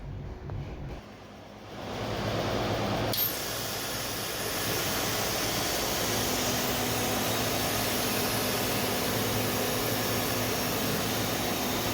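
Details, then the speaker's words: PSA oxygen plant generator: loud rushing hiss that starts then holds steady as nitrogen adsorbed by zeolite molecular sieves in the adsorption towers is vented through filters, a normal part of the cycle. "So that sound you just heard is the nitrogen that is being expelled after it has been absorbed by the zeolite."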